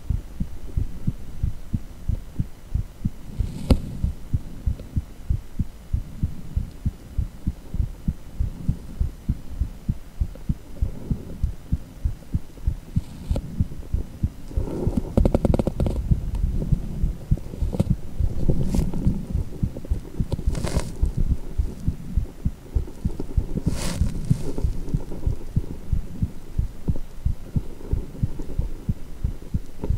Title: Echo with heartbeat sound